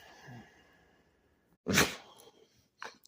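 A single sharp, explosive dog sneeze after a quiet pause, followed by a brief snort.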